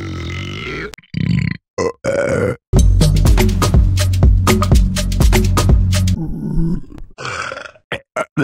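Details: Several loud, low, rumbling belches in a row with brief vocal sounds between, from a compilation of funny burp sound effects: repeated burping.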